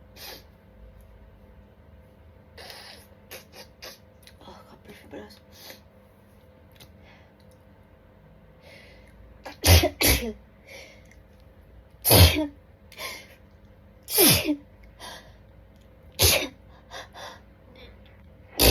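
Sharp, forceful sneezes in quick succession, about six loud ones after small catches and gasps: a sneezing fit.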